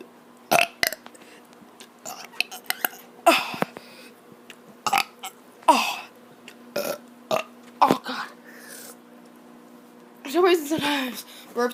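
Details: A child making voluntary burps, tired after running a lot that day: about a dozen short, sharp belches in quick succession, faint talk at the end; hiccups follow later.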